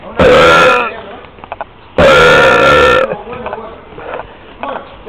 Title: My Burps In The Street 2 / Mis Eructos En La Calle 2